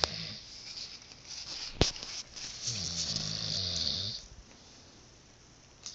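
A single long, rough, rattling breath sound with a low vibrating tone, set against hissy room noise, is snoring.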